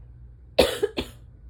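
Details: Adult with asthma on waking in the morning at the start of fall, during ragweed pollen season: two harsh, barking coughs in quick succession.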